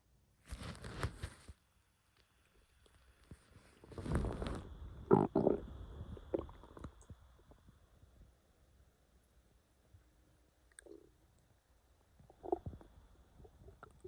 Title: Little bit of stomach growling